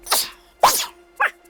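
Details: Adult man's daily sneeze attack after lying on the floor and rubbing his nose, in a woodshop: three quick explosive sneezes within about a second and a half, faint steady hum behind; a sneezing fit.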